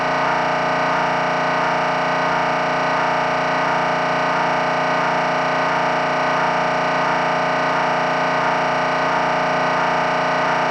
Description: Sample sounds of an MRI for anyone interested in knowing what to expect in order to feel better prepared.